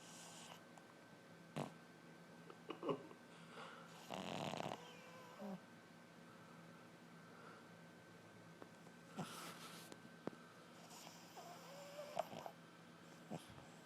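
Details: Sleeping dog snoring loudly: irregular snorting snores and noisy breaths against a quiet room; ordinary snoring.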